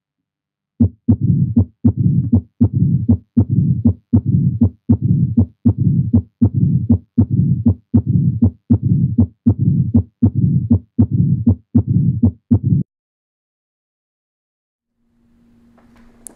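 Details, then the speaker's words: Mitral stenosis: regular heartbeat near 79 a minute, S1, S2, then an opening snap just after S2, followed by a low-pitched rumbling diastolic murmur that is accentuated just before S1. "listen for the opening snap just after s2 so s1 then s2 then an opening snap so it's like a bum ba boom ba boom boom ba boom followed by the diastolic murmur no go low pitch"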